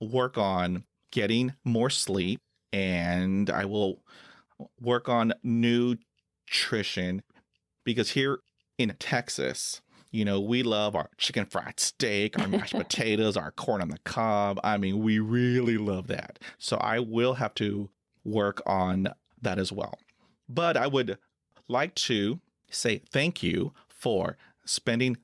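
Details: Adult male who stutters, a Persian Gulf War veteran, speaking in a podcast interview; repetitions and filler interjections heard. Finding: stuttering.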